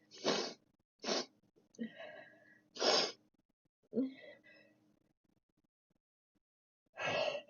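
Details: Four sharp, hissing sneezes with gasps and breathy sounds between them, a run of sneezes; sneezing.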